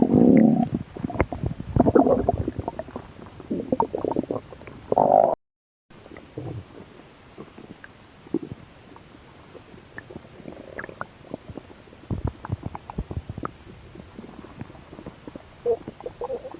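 Irregular low gurgling and rumbling with bubbly pops, ordinary stomach growling from mild hunger.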